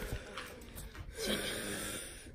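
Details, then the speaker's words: Girl having an asthma attack, said to have gone down into the bronchi and unable to breathe, before going to hospital: noisy laboured breathing with a brief high musical whistle; wheezing. "Regardez comment elle est. Elle n'arrive plus à respirer, écoutez."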